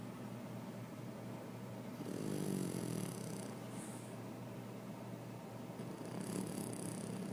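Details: Soft, low, rumbling snoring breaths from a French Bulldog sleeping spread-eagle, with a louder snore near the middle and again at the end, over steady room hum.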